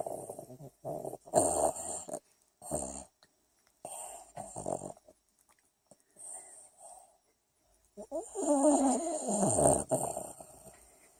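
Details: Rat Terrier dog snoring while asleep: short, irregular snorting snores with brief pauses between bursts.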